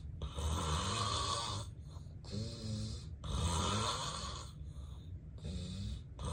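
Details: Real, unplanned daytime nap recorded in bed, adult with sleep apnea: deep snoring, snorts, heavy breathing and apnea pauses; obstructive sleep apnea snoring.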